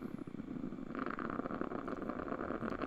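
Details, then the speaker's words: Quantitative needle EMG on a Sierra (Cadwell) machine, slight contraction with continuous half-second analysis while the electrode moves: dense crackling, rumbling static; interference pattern analyzed as neurogenic. "we asked the patient for a slight contraction and now we start analysis and now it's continuous analysis going on here"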